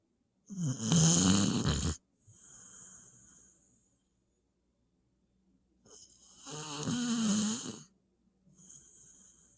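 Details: A sleeping puppy gives two loud, rumbling snores on the in-breath, each followed by a soft hissing out-breath; snoring.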